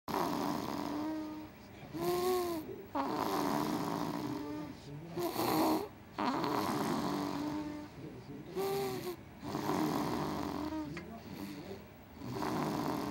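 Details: Baby snoring: rhythmic snores with a tonal whistling noise on the breaths, about 19 a minute, over steady room noise.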